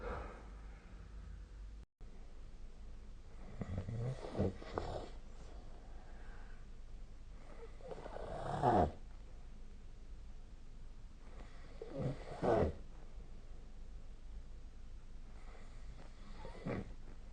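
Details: Snoring recorded during sleep with the SnoreLab app, 2025/02/14: harsh, fluttering snores on each inhalation, about four breaths in seventeen seconds, over faint hiss.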